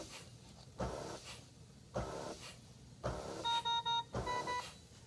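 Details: Simulated HT70 Plus transport ventilator with high ventilation rate on an artificial test lung that has an air leak: rapid, regular machine-driven airflow about once a second, with an alarm beeping partway through; mechanical ventilator cycling.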